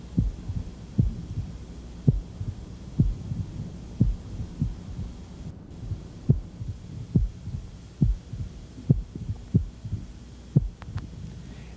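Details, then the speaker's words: Pericardial knock in his constrictive pericarditis; at the moment of the early diastolic snap the jugular veins collapse flat, the rapid wide descent typical of constriction. "at the same time you hear the opening snap it's going to look like somebody reached up and yanked the jugular veins flat which is the rapid wide ascent of constrictive pericarditis"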